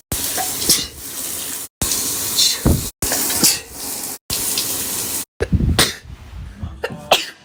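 A run of short, sharp sneezes, about five bursts, separated by brief gaps, with hissy background noise.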